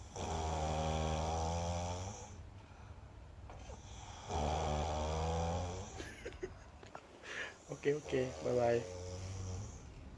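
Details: Younger brother in deep sleep, who habitually snores, eyes seemingly partly open: two long, loud rattling inspiratory snores of about two seconds each, then quieter breathing in a small room.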